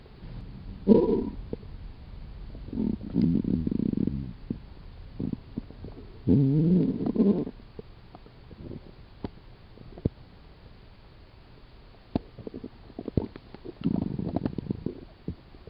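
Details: Irregular low gurgling and rumbling bursts with quiet gaps between them; ordinary stomach growling (borborygmi) from gas and fluid moving in the gut.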